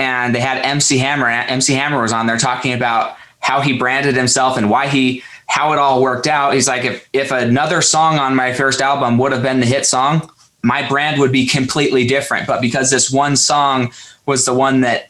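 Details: Adult man speaking; ordinary speech.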